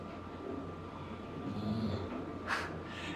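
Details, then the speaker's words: Dog snoring while lying on the owner's lap during a voice-over recording. "Sorry if you hear my dog snoring. He's laying on my lap and you can probably"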